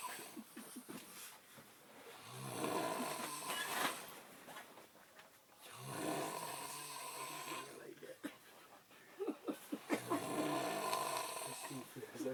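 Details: Loud rasping snores from a sleeper in a tent, about three cycles in twelve seconds, with a fluttering rattle; snoring.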